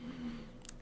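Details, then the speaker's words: An adult who has fasted about 14 to 16 hours has a brief, low, groaning gurgle from an empty stomach: ordinary hunger borborygmus. "Oh, that was my stomach. Did you hear that? See, I haven't eaten this morning."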